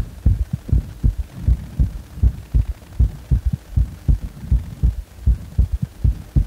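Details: Heart sounds after compression with a triple rhythm: low thudding heartbeat about 79 a minute, with an extra sound in each beat, giving a three-part gallop-like rhythm.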